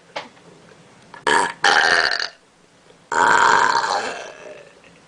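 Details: Deliberate, voluntary burping done out of boredom, without having had any soda: three loud, drawn-out, voiced belches in quick succession in a quiet room.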